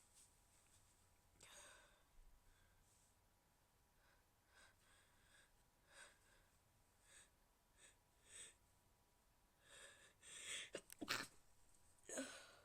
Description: This is my attempt at trying to be quiet while sneezing.